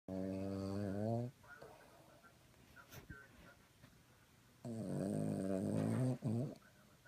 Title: Mtbl snoring